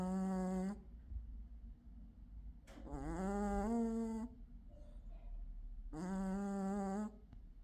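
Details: Snoring in a sleeping male gold British Shorthair cat: loud, tonal, buzzing snores repeating in a slow irregular rhythm with quiet pauses between.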